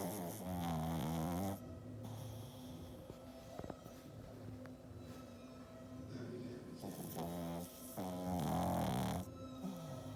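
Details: Pug snoring in sleep with tongue out: loud, low, rattling breaths on both inspiration and expiration, music in background.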